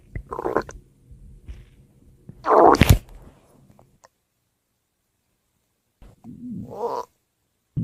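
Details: Ordinary stomach growling (borborygmi): a few loud rumbling, groaning growls separated by silence, the normal sound of the gut moving gas and fluid.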